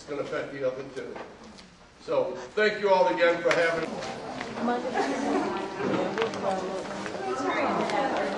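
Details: Adult speaker; typical adult speech.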